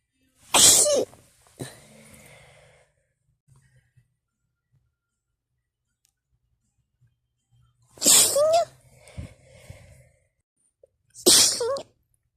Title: sneeze attack #sneeze #cold